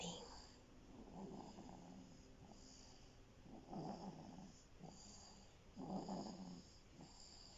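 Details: Rhythmic rattling snores on each in-breath, roughly every two seconds, with soft hiss between, from a sleeping elf.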